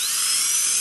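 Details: Dental drill sectioning an infected wisdom tooth during extraction: steady high-pitched whine running continuously, with water spray.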